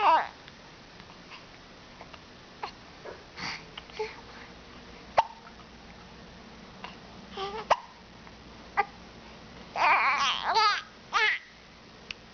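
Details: A 12-week-old baby with hiccups: brief, abrupt catch-like sounds at irregular intervals amid soft babbling and fussing.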